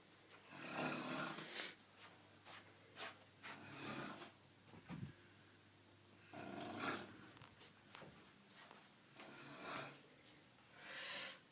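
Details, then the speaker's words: Person snoring loudly at night (New Year's Eve, about 6:31 am), keeping a bed partner awake; moving or shushing makes it louder: loud, harsh, irregular snores with rattling breaths between; heavy snoring. "if you move or try and get to shush then it just makes loud louder it's louder and there nothing you can do about it"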